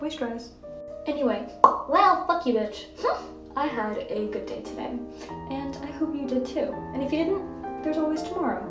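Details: Involuntary vocal tics including obscene phrases (coprolalia) in a young woman with Tourette syndrome.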